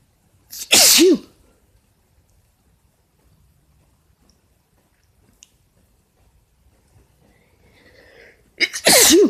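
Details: Adult male sneezing, cause uncertain (allergies or a cold): two loud, explosive sneezes several seconds apart, each preceded by a quick intake of breath.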